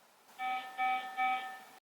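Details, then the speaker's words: Three soft, even, musical tones in a row from an IMPALA patient monitor: the yellow priority alarm when a vital sign crosses its first limit (e.g. high heart rate), meaning the patient should be checked promptly. "priority alarms can be recognized by the vital being highlighted in yellow a blinking yellow light at the top and it sounds like"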